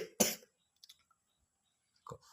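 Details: Child with a cold coughing while reciting Quran memorization (Surah Al-Haqqah): a single sharp cough followed by quiet and small mouth sounds.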